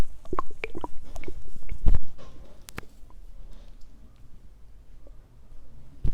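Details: Stomach growling, described as from hunger: irregular gurgles, squelches and short rumbles, loudest early and fading to a low murmur; borborygmi.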